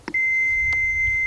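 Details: In CPR training, an AED is switched on by pushing the green button: a click, then a steady high-pitched electronic tone before it gives spoken instructions.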